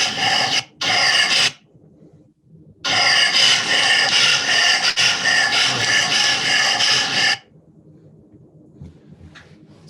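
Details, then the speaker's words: Large-breed dog with loud harsh inspiratory stridor and upper airway obstruction sounds, most likely from laryngeal paralysis, though other causes still need ruling out. "that's the typical typical patient um a larger large breed dog typically older labador Retriever and this dog most likely has lenial paralysis that's most likely the reason for the upper Airway Strider and sounds of obstruction that you're hearing"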